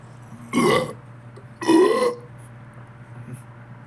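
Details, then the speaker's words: Person deliberately burping after drinking cola: two loud, drawn-out throaty belches about a second apart in a quiet room; burping. "아주 큰 트름이 있네요 와 네 아주 미쳐버린 틀이었다"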